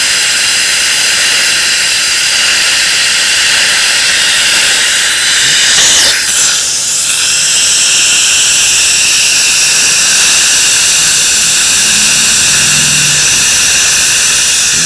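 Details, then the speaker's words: Dental air-water syringe giving a steady loud hissing spray as teeth are rinsed well after etching during indirect bonding with the Custom IQ system and Assure adhesion promoter; patient asked to open slightly. "And then I'll take the okay, open for me just a little bit. And then I just rinse them really well."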